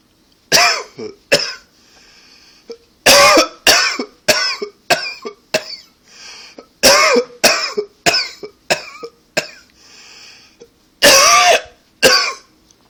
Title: Coughing 65 Hard coughing